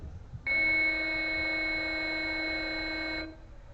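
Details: A steady high electronic tone lasting about three seconds from an AED during BLS/CPR training, the defibrillator charging after rhythm analysis with everyone told to stand clear, before the shock button is pressed.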